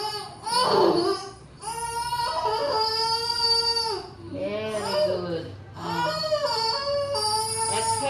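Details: Strong, sustained high-pitched crying in repeated bursts with breaths between; a normal vigorous newborn cry just after delivery at a lying-in clinic attended by a midwife.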